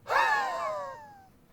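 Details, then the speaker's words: Brief high, whistling musical wheeze imitated by a paediatrician teaching about childhood asthma, not a patient recording. "some people have little recordings as I play that they play the patient's I just do the noises I've had a lot of practice"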